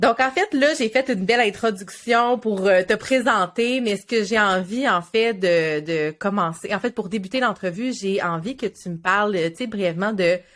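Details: Adult woman speaking French; typical speech.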